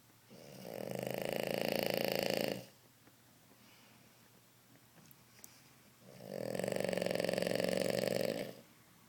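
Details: Snoring: two long, rattling, buzzing snores on breathing in, with quiet pauses between.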